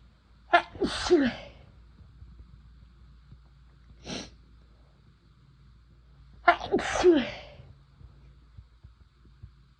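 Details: Two big explosive sneezes with a small one between, each preceded by a sharp intake, induced by first-time use of chhinkni sneezing powder; sneezing.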